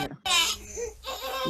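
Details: Inspiratory stridor (laryngomalacia).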